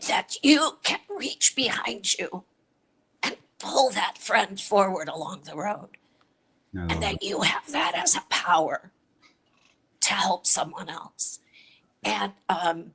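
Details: Adult woman with a chronic voice disorder, treated with Botox injections into the vocal cords every three months; dysphonia.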